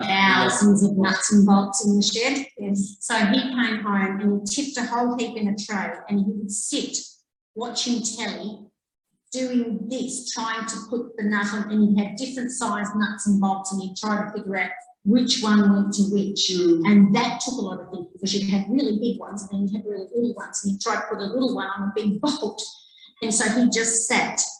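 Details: Adult woman speaking; Normal speech.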